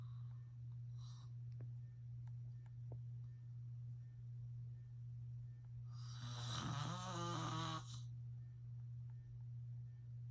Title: Filming my dad snoring *so funny *